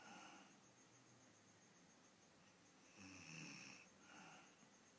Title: Grandmother sleeping snoring